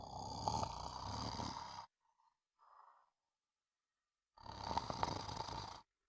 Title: Sound of snoring